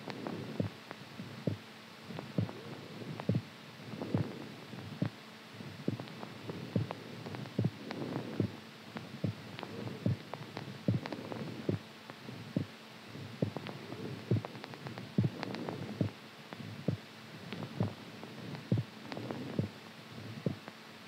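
Steady paired thumps, about 70 beats a minute, over a low hum: a regular heartbeat.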